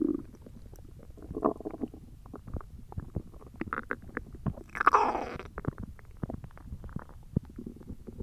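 Gurgling, bubbling rumbles and squeaks from the belly, coming in bursts. Normal hunger growling of the stomach and bowel.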